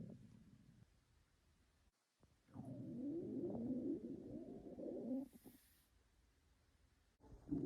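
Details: Loud, low, drawn-out gurgling stomach growl lasting a few seconds in a quiet room, from hungry girls; hunger-related stomach growling (borborygmi), a normal gut sound.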